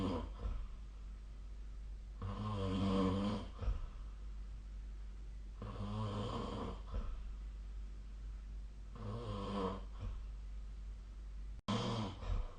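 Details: Snoring during sleep, 2025/02/03, with the SnoreLab snoring app linked: low, rattling snores on each in-breath, roughly every three to four seconds, over steady room hum.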